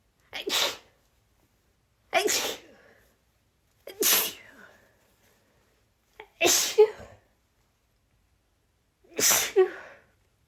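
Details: Female: five sneezes in a row over about ten seconds, several partly stifled, forming a nonstop rapid sneezing fit.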